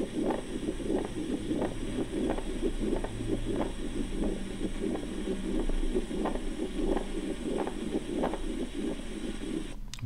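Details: Pericardial friction rub played as an example in a cardiac auscultation teaching recording for medical students.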